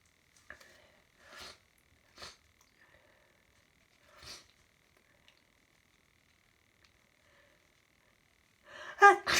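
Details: Hay fever sneezing that has gone on for about an hour, with a stuffy nose: several quiet sniffs and catching breaths, then a loud, explosive sneeze at the end.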